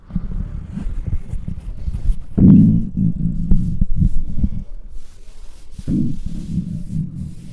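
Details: Hungry stomach: low, continuous rumbling and gurgling with two louder surging growls: borborygmi.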